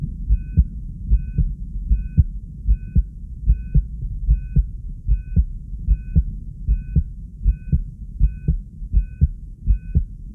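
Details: An excited subject on a 3-lead monitor: regular paired heart sounds at about 76 beats a minute with a faint repeating electronic beep: normal heart sounds, elevated rate.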